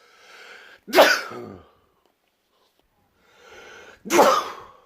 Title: World loudest sneezes